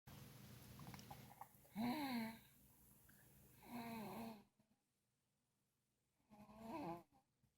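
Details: Soft, noisy breaths with a squeaky, whistling edge every couple of seconds in a sick baby; snoring with some wheezy noise.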